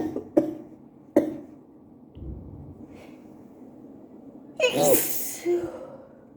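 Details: Adult with allergies at work, unable to stop sneezing, with very wet sneezes: quick intakes of breath building to one forceful, explosive sneeze in a small room.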